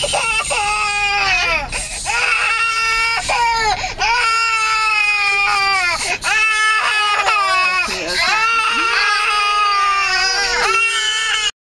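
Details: 8-month-old twin babies, tired after a drive back from Pattaya, crying: loud sustained overlapping wails with brief gasping pauses.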